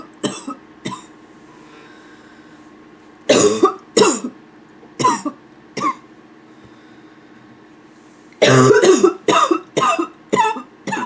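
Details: Female with nonstop barking cough: about a dozen harsh, abrupt cough bursts, some in quick runs, with throat clearing near the end; barking cough.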